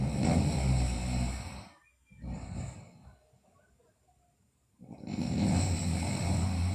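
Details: Sleeping girl, also noted for bruxism and delirium: loud, low rattling snores on breathing in, softer snore and quiet pauses between; snoring during sleep.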